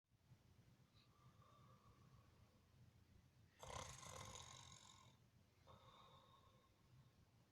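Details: Adult man (father) snoring: a loud, rough snore over low rumbling room noise, with fainter breathy sounds around it.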